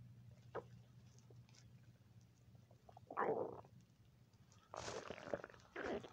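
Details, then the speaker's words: Ordinary hunger stomach rumbling: low gurgling rumbles in a few bursts over quiet room hum; the person says they need to eat something; borborygmi. "It's Sunday and my stomach's making noise."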